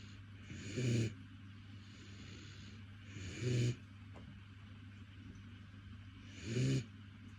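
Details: Doberman puppy in deep sleep after running around: three short, low, snorting rumbles at about 19 a minute over a low hum; snoring.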